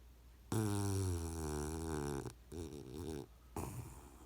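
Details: Puggle puppy fast asleep and snoring: loud low rumbling snore on an inhaled breath, followed by softer fluttering breathing sounds.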